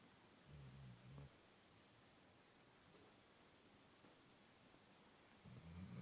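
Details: A worn-out dog lying on a bed, snoring like an old man.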